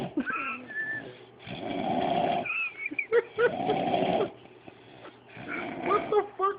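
Loud, rough, rattling snores come in cycles about every two seconds, with softer breaths and faint talk in between. Snoring.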